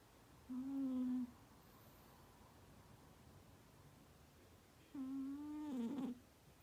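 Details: Persian cat snoring loudly while sleeping.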